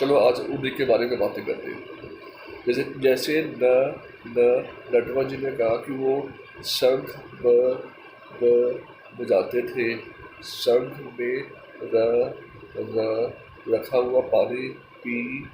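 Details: Adult male speaker; stammering.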